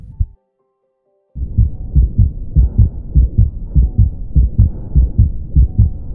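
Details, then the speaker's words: Cardiac auscultation in ventricular septal defect: regular heartbeat near 100 a minute with loud, harsh systolic murmur at the left sternal border filling the space between heart sounds; pulmonary second sound accentuated and split; VSD murmur. "а ультация сердца при дефекте межелудочковой перегородки характерны малосультативным признаком при дмж п является во-первых появление и нарастание исторического шума у левого края грудины как говорят много шума из ничего"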